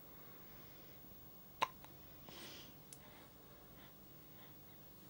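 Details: Baby hiccups after a breastfeed: one sharp, abrupt hiccup with a few faint clicks and a breath afterward, against quiet room noise.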